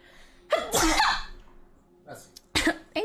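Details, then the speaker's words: A young woman who says she is feeling under the weather sneezes while talking: a sharp sneeze with a breathy intake before it, then a second, shorter sneeze in a quiet room. "you sorry guys I am feeling a little bit under the weather so I'm going to go ahead and sneeze again"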